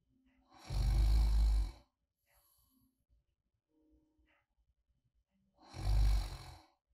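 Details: Light snoring in deep sleep, two low rumbling inhalation snores about five seconds apart with quiet exhalations; recorded as sleep ASMR; light snoring.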